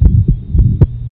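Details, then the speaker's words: Hypertrophic cardiomyopathy, patient standing: low heart thumps with a rumbling systolic murmur between them, louder on standing and softer with squatting, unlike aortic stenosis. "increased blood volume should make an aortic stenosis murmur louder but this murmur gets softer with squatting it first sounded like this was standing and"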